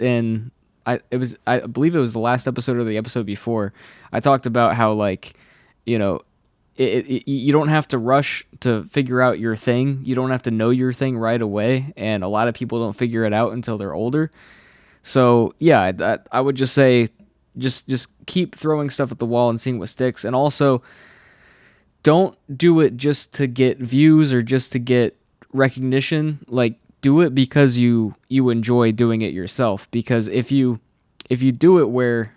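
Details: Adult man who has stuttered since childhood, saw a specialist which helped for a while, and says anxiety worsens it; stutters are left unedited here.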